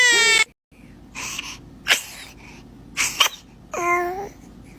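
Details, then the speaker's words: A baby sneezing and coughing at the same time: a brief cry, then several short, sharp bursts of sneezing and coughing, followed by a small whimper. "baby is dramatic sneezer check I finally caught it I finally caught it buess you"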